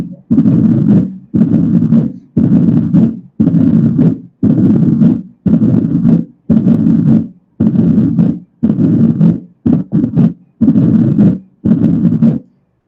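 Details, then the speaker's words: Mitral stenosis heard at the mitral focus (apex): a low rumbling diastolic murmur following S2 at about 58 a minute, rising in pitch before each beat with presystolic accentuation. "Escuchen cómo suena y después hace como como que sube el tono al final, porque eso es el reforzamiento presistólico. Y vamos después del S2."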